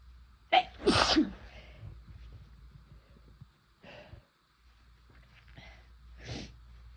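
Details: Sneezing induced by chhinkni sneezing powder, first-time use: a loud, forceful sneeze followed by two smaller ones, quiet breathing between.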